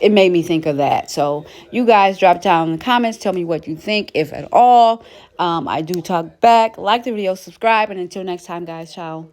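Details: Adult woman speaking; Normal speech.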